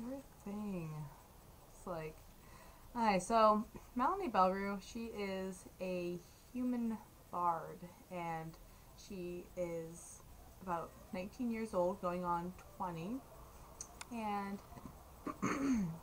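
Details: Adult speaker; normal speech.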